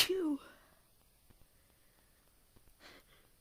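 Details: Induced sneeze: a single short, sharp sneeze burst, followed by quiet breathing and faint room noise.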